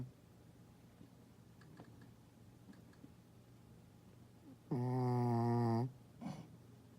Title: Charlie Honka Honka (snores)